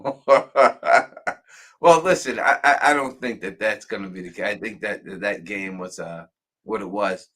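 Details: Adult male speaker; normal voice.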